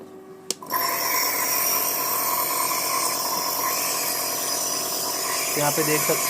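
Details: Niscomed NB-117 nebulizer compressor running: a click, then a steady loud buzzing hum of the motor working normally.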